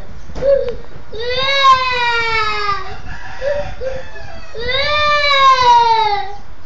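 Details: Two long, loud wailing cries from a young child, each falling in pitch, with short sobbing sounds and background room noise between; child crying, reportedly begging for an older relative to come out.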